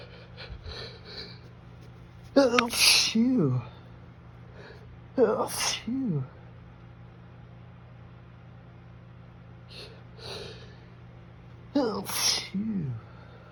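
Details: Sneezes induced by teasing the nose with perfume: three forceful sneezes, each a sharp inhaled gasp then an explosive burst, with quiet pauses between.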